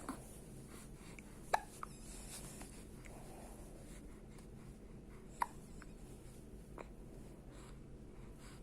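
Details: Baby with hiccups: two sharp, brief catches about four seconds apart over steady room hiss.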